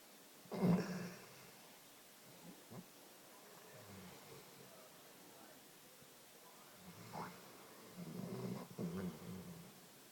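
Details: Snoring during sleep: soft, low rumbling breaths repeating every few seconds in a quiet room.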